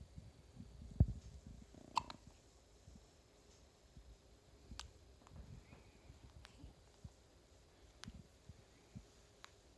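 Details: A child with ordinary hiccups: about six brief, sharp hiccup sounds at irregular intervals over ten seconds against a quiet, low room rumble.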